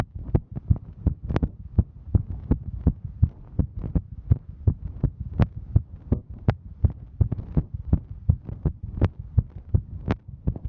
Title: Female Hiking Heartbeat